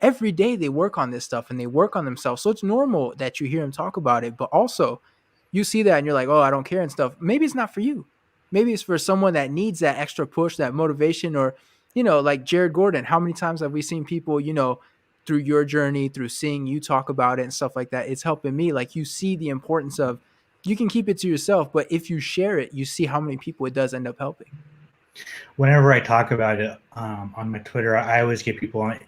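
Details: Adult male speaker; normal speech.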